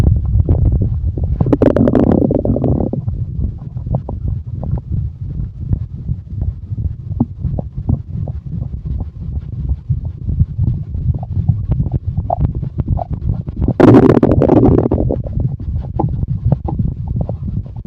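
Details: Continuous low gurgling and rumbling with irregular bubbling pops and two louder growls, recorded with chest rub sounds; ordinary stomach growling (borborygmi).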